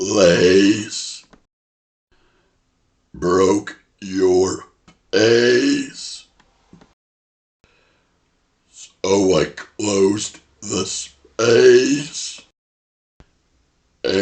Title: Burp Speech #12 ( It All Rhymes With Face ) Talking While Burping ( Viewer Requested )